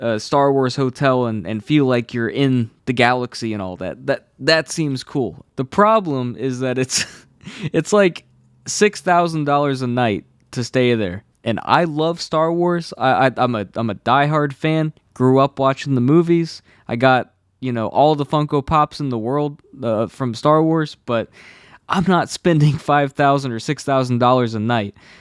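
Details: Adult male who has stuttered all his life since childhood, saw a specialist as a child, and says anxiety worsens it; stutters are left unedited in this recording; stuttering.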